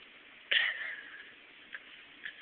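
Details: Newborn girl at hospital discharge: one sharp, squeaky catch of breath followed by two fainter, brief clicks in a quiet room; infant hiccups.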